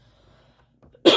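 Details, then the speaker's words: One abrupt, harsh cough burst after near silence, from an adult woman with sinus trouble and badly flaring allergies, coughing repeatedly while speaking. "it's just sinuses and so with my allergies acting up really badly I get to coughing"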